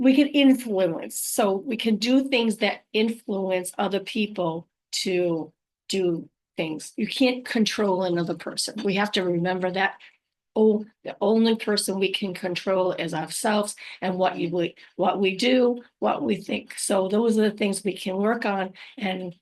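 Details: Adult woman after a stroke, recorded unedited on a good day, usually in the morning before fatigue; aphasia with apraxia of speech and dysarthria.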